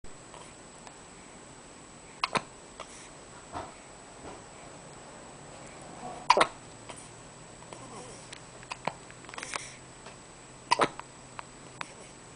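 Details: Hiccups with eyes open: sharp, brief catching sounds recurring irregularly, about four over twelve seconds, in a quiet room.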